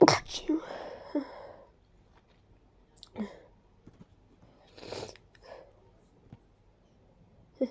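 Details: Congested sneezing fit from allergies, starting after a deep tickle in the nose: one forceful sneeze, then quieter sniffs and breaths in a small room.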